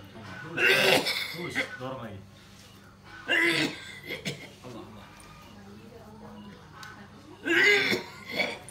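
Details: Person with a tormenting cough and shortness of breath, blamed on a food-borne palupuah poison (santet): three harsh, forceful coughing bouts spaced a few seconds apart over a faint hum; distressing repeated cough.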